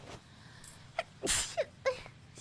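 A single sharp, breathy sneeze burst with brief soft vocal sounds just before and after it.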